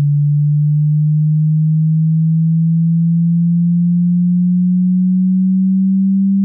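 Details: Hearing check test tone: a steady, low pure tone climbing very slightly in pitch, played to check which frequency range the listener can hear.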